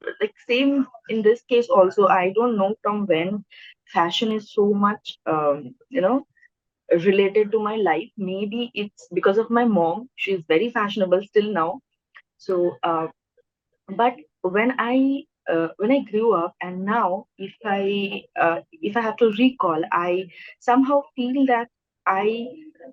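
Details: Adult woman who has stammered since about first or second standard in school, speaking naturally in a real podcast interview; stuttering.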